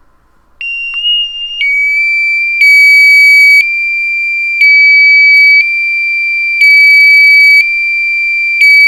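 Loud, piercing electronic alarm tones alternating in pitch about every second, from a heart-pump controller self-test.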